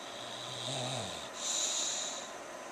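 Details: English Bulldog napping, short flat nose: low rumbling snore on the in-breath then noisy hissing out-breath, with flatulence noted just before; snoring. Recorded on a Flip Video camera.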